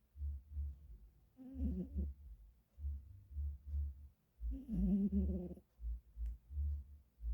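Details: Sleeping pet snoring: soft, low, rhythmic breathing pulses with two longer rattling snores.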